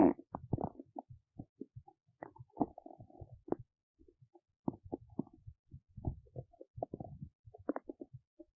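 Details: Belly noises while digesting oats: frequent short gurgles, pops and squelches in a quiet room, ordinary stomach rumbling; bowel sounds (borborygmi).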